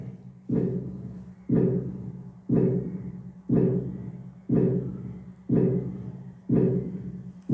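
Regular heartbeats at about 60 a minute with a gallop rhythm from an added third heart sound.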